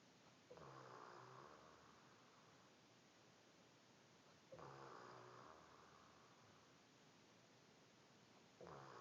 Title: My mom snoring